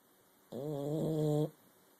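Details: Cuda snoring, gills moving, recorded in the dark: a single drawn-out, rough, buzzing breath lasting about a second, with quiet room sound around it.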